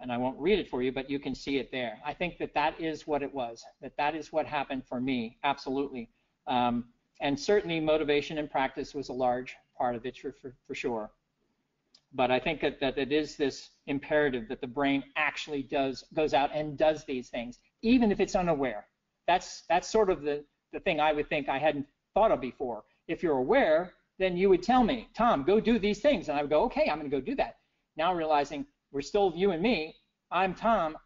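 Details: Adult man with persisting aphasia after a stroke in 2011, years into recovery following aphasia therapy; notes he still makes errors such as wrong numbers; aphasia.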